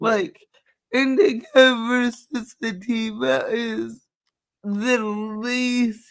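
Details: Adult with cerebral palsy, which they say is why they talk this way and that nothing can be done about it; dysarthria (cerebral palsy).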